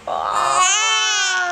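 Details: A baby boy, awake and chewing on his fingers during play, gives a brief, loud, rising infant cry with clear tonal voicing, a short fussy wail.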